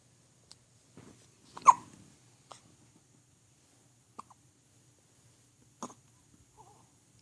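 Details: Hiccups: soft, brief hiccup-like clicks at irregular intervals, about five or six over seven seconds, in a quiet room.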